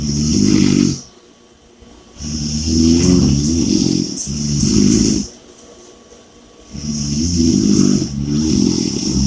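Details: Loud, rattling snores on each in-breath with quieter out-breaths, about seven breaths a minute; heavy snoring.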